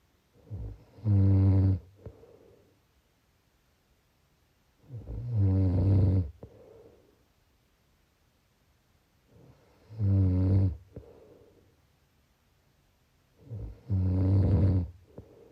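Loud, low, rattling snores on each breath in, about 14 breaths a minute, with quiet breaths out between.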